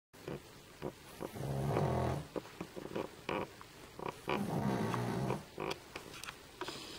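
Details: A sleeping dog snoring: two rough snoring breaths with snorts and small clicks between them.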